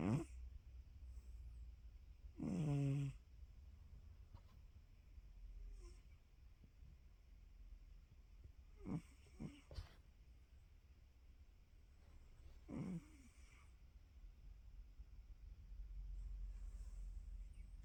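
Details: Sleeping female dog snoring during a nap: irregular low, rattling snores with snorty breaths, about four loud ones over eighteen seconds; snoring.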